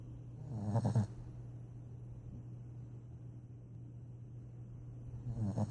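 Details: Dog snoring during sleep: two low, rumbling breath noises several seconds apart against a steady low hum.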